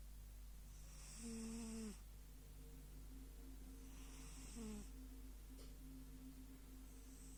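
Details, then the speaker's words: Sleeping cat snoring and snuffling, which the owner says happens every night. "Дорогие друзья, сейчас вы увидите и услышите, как храпит кошка."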